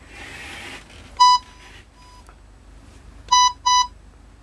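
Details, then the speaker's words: ResMed Astral 150 ventilator switched on for use as BiPAP with a single-limb circuit: brief hiss, then a short run of clear electronic beeps as it runs its start-up self-test. "सबसे पहले हम machine को on करेंगे। Machine को on किया, ये अपना self test करेगी।"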